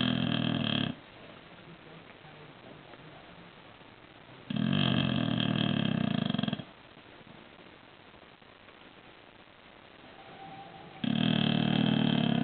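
Loud, rough, rattling breaths every few seconds, with a quiet hum of breathing between them: a dog snoring.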